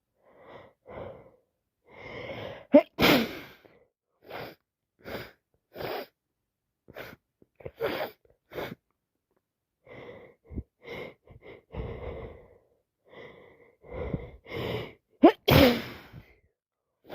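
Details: Repeated gasping in-breaths and sniffles with two forceful, wet sneezes from a person with a bad cold; repeated sneezing.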